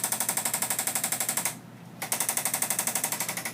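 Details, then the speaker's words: Rapid regular mechanical tapping, about four pulses a second with a brief pause: a percussive chiropractic adjusting instrument (arthrostim) working over the lower back to break down adhesions during a lumbar adjustment for pelvic subluxation. "we use the auto statement here to break down the adhesions so the jackhammer"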